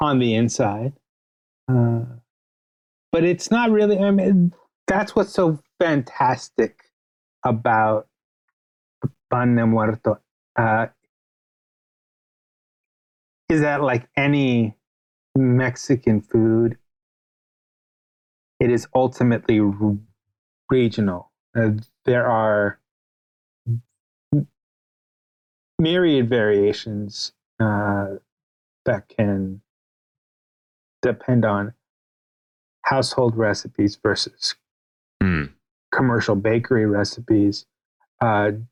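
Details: Adult man, a writer interviewed on a podcast, whose stutter is noted as audible throughout the interview; real, not acted. Finding: stuttering.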